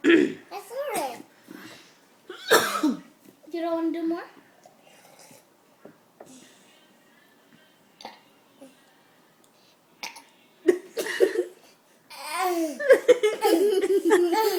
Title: burping